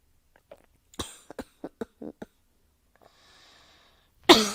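A rapid run of about eight short dry coughs, a hissing in-breath, then one loud forceful cough; repetitive coughing indoors.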